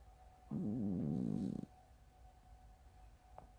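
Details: Sleeping cat snoring: one rattling, fluttering snore of about a second, said to sound like farts, in a quiet room.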